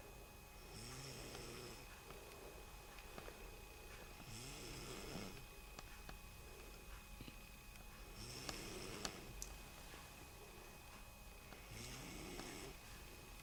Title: MY BABY SISTER IS SNORING